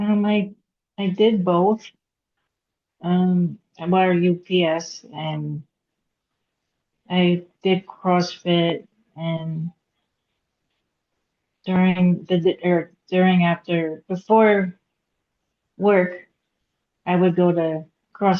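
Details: Aphasia in a woman after a hemorrhagic stroke at age 36 in September 2018; she could not talk for 2 years and now speaks after recovery.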